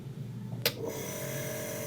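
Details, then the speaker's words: Pulmonologist's demonstration of an electric compressor nebulizer with mouthpiece: switch click, then steady mechanical hum and hissing airflow as the compressor pushes high-pressure air through tubing, turning liquid medicine into mist. "यह compressor है। यह हमारी tubing है। इस compressor की वजह से इसमें बहुत ही प्रेशर से हवा जाती है।"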